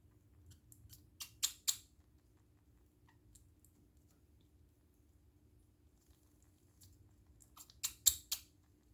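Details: A parakeet: two brief bouts of tiny, sharp, clicky bursts, about five in each bout, over a faint steady room hum; a small bird coughing.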